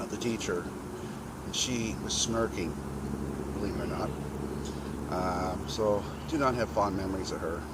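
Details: 52-year-old man with a very bad stutter present since childhood, also has chronic cluster migraine headaches; stuttering.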